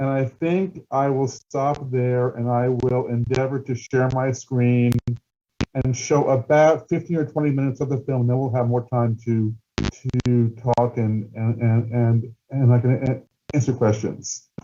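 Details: Stuttering in an adult male documentary filmmaker who stutters, with word and phrase repetitions.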